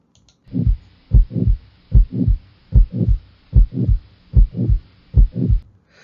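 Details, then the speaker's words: Heart murmur in an anatomy and physiology lecture example: paired sounds at about 74 a minute, crisp lub but sloppy, smeared dub, from at least one semilunar valve not closing tightly with backflow of blood. "So in that second example, you notice that the lub sounds normal, but the dup or dub doesn't. It's not crisp and clear, it's kind of sloppy sounding."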